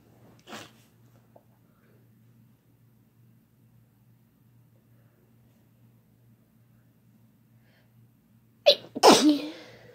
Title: Sneezing and Blesses (M+F)